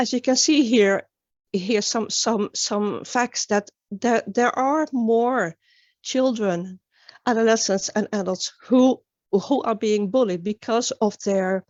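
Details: Stuttering in a woman from Sweden, an international stuttering advocate, with onset at age nine; many word and phrase repetitions heard during a conference talk; finding: stuttering.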